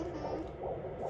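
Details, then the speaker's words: After previous miscarriages, a midwife uses a handheld Doppler at home: a muffled, rapid whooshing pulse, a strong and healthy fetal heartbeat. "we did a doppler on the couch and we could hear baby's heartbeat and everything was fine where's the baby going can you hear it noah"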